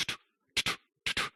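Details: Stethoscope at the second intercostal space, checking for aortic stenosis in pre-operative care of hip fracture patients: no stenosis murmur heard, normal heart sounds.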